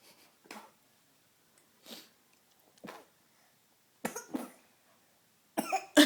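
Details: Young child imitating coughing: about six short, light cough bursts in a quiet room; simulated cough.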